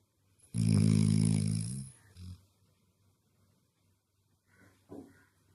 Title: Sleeping beauty snoring beast 😂